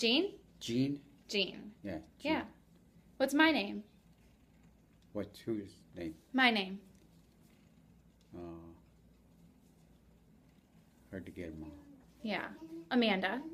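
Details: Patient with global aphasia giving repetitive, fragmented, nonfluent answers to simple naming questions; global aphasia.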